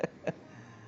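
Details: Infant hiccups after a walk: two brief, sharp voiced catches about a quarter second apart in a quiet room.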